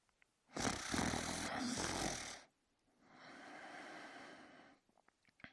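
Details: Sleeping in bed, one full breath cycle of snoring: a loud rough snore on the in-breath, then a quieter hissing out-breath.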